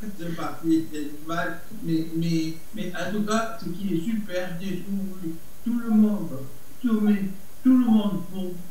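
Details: Adult man, aphasic for a little over a year after stroke, who says he speaks very badly; Broca's aphasia.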